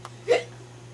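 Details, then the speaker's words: A single short, sharp hiccup over a steady low hum, acted in a comedy skit. "Oh, sorry. What was that? I think I just got the hiccups."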